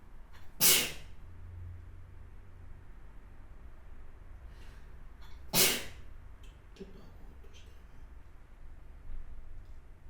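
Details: Two short, sharp, hissing sneezes about five seconds apart from a pet, with quiet room noise between them; sneezing.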